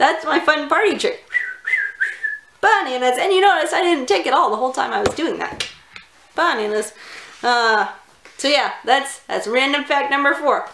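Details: Woman with Tourette syndrome; a burst of repeated word vocal tics interrupts her speech; Tourette syndrome vocal tics.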